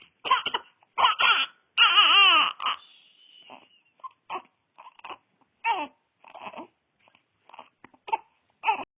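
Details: Infant fusses with a brief cry, then gives a run of short, abrupt, squeaky catches in the voice at irregular intervals: infant hiccups.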